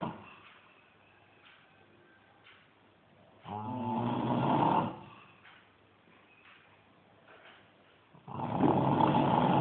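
Two loud rough snores on inhaling, separated by quiet pauses of several seconds; ordinary adult snoring.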